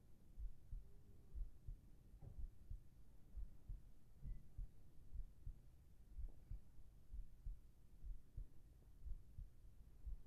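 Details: Heartbeat sound in a binaural ASMR sleep recording: soft, steady low thumps at about 62 beats a minute under faint hiss; a calm, normal heartbeat.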